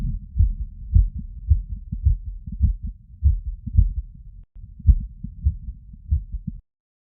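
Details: Heart auscultation through a stethoscope after physical workload: strong, regular low heart thumps at about 107 beats a minute, with no added sounds standing out; quickened heartbeat after exertion.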